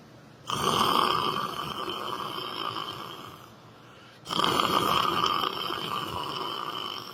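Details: Person snoring while sleeping sitting down in church: two long, harsh, buzzing snoring breaths with a rough fluttering quality, heavy snoring.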